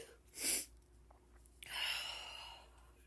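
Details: Two sharp, noisy sneezes, the second with a hissing tail, from a woman in an allergic sneezing fit (tagged ragweed allergies) who says she can't stop sneezing.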